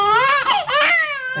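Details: Loud, high-pitched crying with rising and falling pitch and a brief catch, from a newborn baby girl born at 37 weeks during her first bath after delivery; a strong, normal newborn cry.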